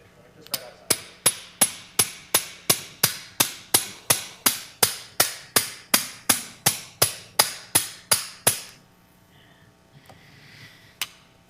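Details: About twenty sharp, evenly spaced metallic mallet taps, near three a second, driving a sacroiliac joint fusion device while checking that its tangs line up with the joint on fluoroscopy.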